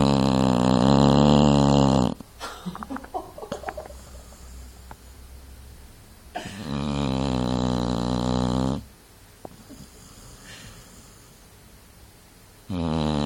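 Loud, long, fluttering snores lasting about two seconds each, one every six to seven seconds, about 9 a minute, with quiet breathing between them. Snoring.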